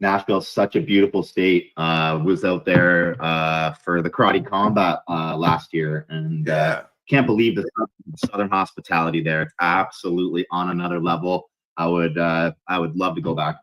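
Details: Adult man speaking; normal voice.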